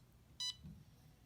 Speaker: once the pump is finished going through its setup process it gave us a little message that said power up successful so we know that it's ready to be used